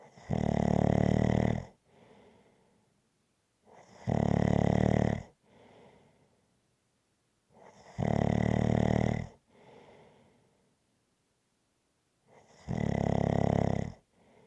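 Regular, loud, vibrating snores on each in-breath with quiet breathy out-breaths, about 15 breaths a minute.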